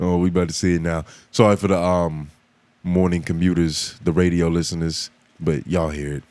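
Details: Adult man speaking; Typical speech.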